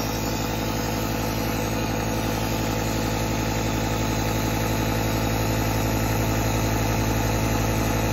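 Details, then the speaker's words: Steady loud mechanical hum with rapid regular pulsing from a running nebulizer compressor producing mist, with a nasal nebulizer applicator used to inhale medication through the nose to the sinuses for a sinus infection; nebulizer compressor. "plug in the tube to the nebulizer machine which looks like this and just press the compressor button here's the mist i'm going to inhale through the nose and filter them"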